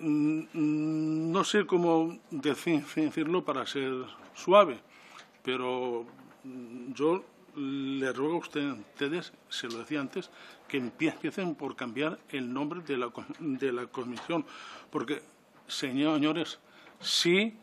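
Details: Adult man who stutters, speaking publicly in person before a parliamentary disability commission; he says stuttering makes him take longer to say things than to think them; stuttering.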